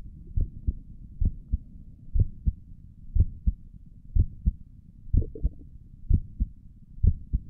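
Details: A person's own resting heartbeat recorded through a stethoscope on the chest for relaxation: paired soft lub-dub thumps at about 62 beats a minute with a faint low rumble between; regular, normal heart sounds.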